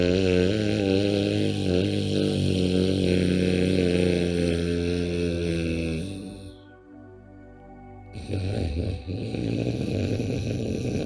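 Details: Simulated snoring as a yoga exercise for snoring, seated with tongue folded back, breathing through the nose: a steady, droning nasal snore-like sound on inhale and exhale, with background music.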